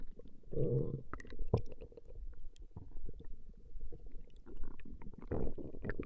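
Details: Recorded stomach growling of a female: quiet, continuous low gurgling and squelching rumbles with brief louder growls, ordinary borborygmi.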